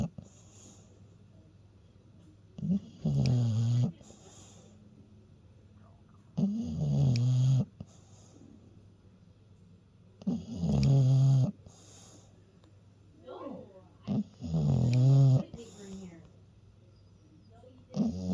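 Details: Slow, rumbling snores, about 16 a minute, each a low vibrating breath with quiet pauses between; a sleeping dog snoring.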